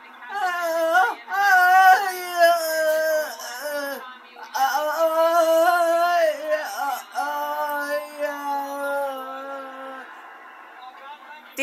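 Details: Girl, hemorrhagic stroke survivor without speech or mobility (aphasia, paralysis), cognition described as intact, crying with joy; emotional crying without speech (post-stroke aphasia).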